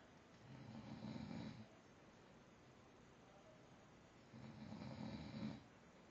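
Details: A sleeper gives two low, rumbling snores about three seconds apart, with quiet breathing between them (roughly 20 breaths a minute): snoring.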